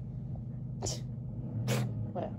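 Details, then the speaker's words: Three quick, sharp sneezes from a small pet with small nostrils over a low room hum; owner first says it is coughing and wonders if it is an allergy attack; sneezing. "Fais le beau gosse, fais pas tchoum. Si. Mais. Oh non, avec ses petites narines, il a du mal à tousser. Oh non, on dirait qu'il fait une crise d'allergie, le pauvre."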